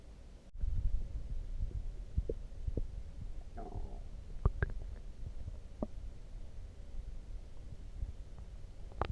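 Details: Loud stomach growling (borborygmi) after drinking coffee: low rumbling gurgles with a drawn-out bubbling growl and scattered clicks and pops.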